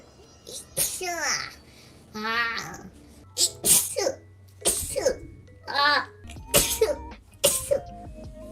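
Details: Japanese female VTuber doing acted, high-pitched sharp sneezes with squeaky build-ups, about seven in a row, over background music; sneezing.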